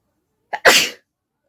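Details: Sneeze performed for a requested sneezing challenge without a hanky, provoked by folding paper into the nose: a brief inward breath, then one sharp, explosive sneeze in a quiet room.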